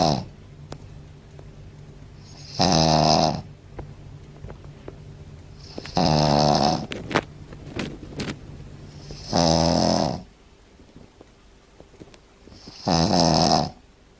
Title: Tobias, the loud snoring shih tzu